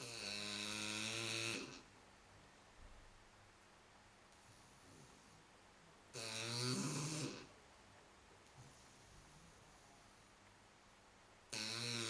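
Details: 3-month-old female Shar Pei puppy asleep on a sofa gives slow, loud rattling snores about every five seconds, roughly 11 a minute, with quiet breathing between; ordinary sleep snoring.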